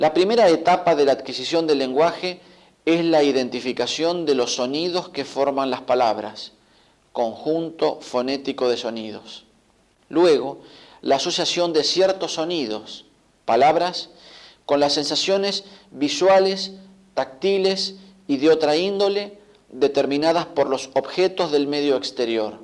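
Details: Adult male narrator; normal speech.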